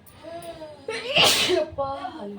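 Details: Single loud, explosive sneeze with a brief voiced lead-in, in a quiet room, during a heavy cold with cough, fever and body pain.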